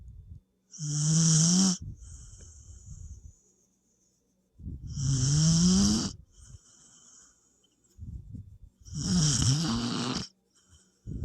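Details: Sleeping dog or puppy snoring: three loud rattling snores with quieter breathy exhales between, about 15 breaths a minute.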